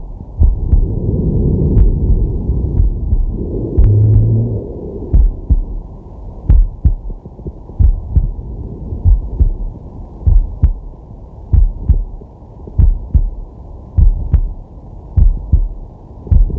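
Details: Man's heart and breath recorded with a digital stethoscope on his chest while relaxing: regular lub-dub heartbeat, about 48 beats a minute, with deep slow breaths audible early on; normal heart sounds.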